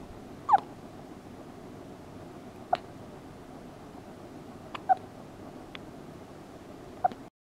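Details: Loud hiccups: four short, sharp, squeaky hiccups roughly two seconds apart against steady room noise.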